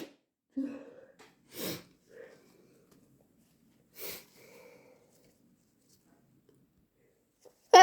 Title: Insanely wet induced hayfever sneezes